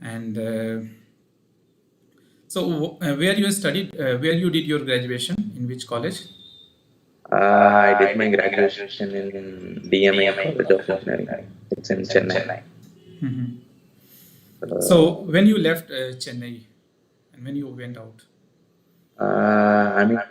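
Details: Adult male with puberphonia (previously high-pitched, female-like voice with occasional dual voice), recorded after voice therapy, now reports a stable voice; finding: puberphonia, corrected after voice therapy.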